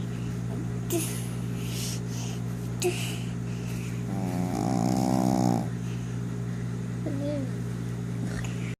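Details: Snoring during an afternoon nap: one rattling snore over a steady low background hum, with a few faint clicks and a brief squeak; ordinary snoring.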